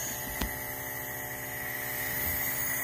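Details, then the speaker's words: Compressor nebulizer for a guinea pig running into a lidded tub: steady motor hum with faint buzzing whine as mist comes out. "then just turn it on and mist will come out you can see that mist is coming out"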